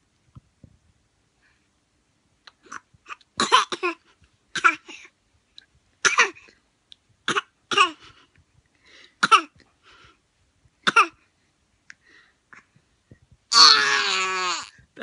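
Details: A 5-month-old baby imitates her mother coughing with short, dry cough-like bursts, ending in a longer squeal. This is a voluntary, imitated cough.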